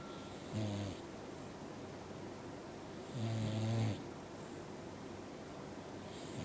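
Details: Sleeper described as a loud sleeper: two low, rattling snores about three seconds apart over quiet room noise, ordinary snoring.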